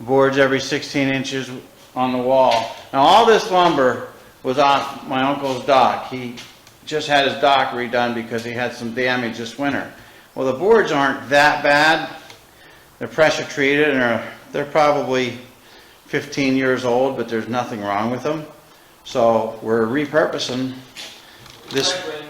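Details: Adult man speaking; typical adult speech.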